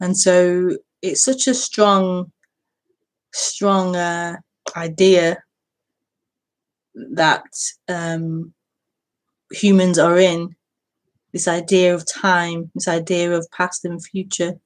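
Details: Woman who says she stutters, speaking during a live broadcast; stuttering.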